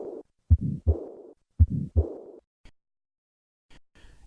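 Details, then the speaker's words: Two slow heartbeats, about 55 a minute, each with a harsh systolic murmur and a fading diastolic murmur: combined pulmonic stenosis and regurgitation; narrator's voice starts at the end. "listen once again to combine pulmonic stenosis and regurgitation"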